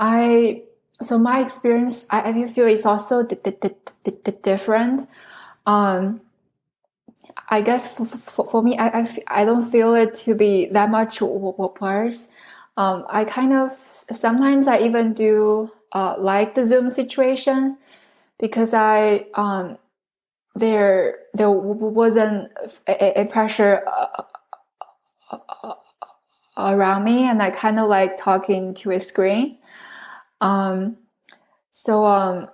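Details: Adult woman who stutters, originally from China, a speech pathology PhD candidate studying in the U.S. for close to 10 years; this stretch has many word repetitions; stuttering.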